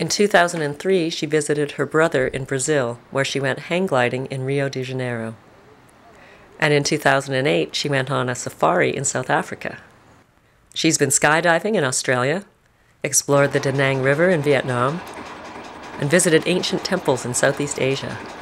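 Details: Adult female narrator; normal speech.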